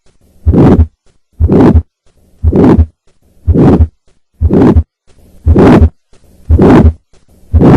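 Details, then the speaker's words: Aortic stenosis, heart rate near 58 a minute: three normal beats, then a harsh diamond-shaped systolic murmur ending before the aortic component of S2, from the left ventricle–aorta pressure gradient. "this murmur has a diamond shape and ends before the aortic component of the second heart sound this murmur is due to the pressure gradient between the left ventricle and the aorta"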